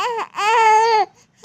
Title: 2month+16days my baby crying 🥹 memories 🫶 #baby #babycrying #babycry #viralvideo #viralbaby #shorts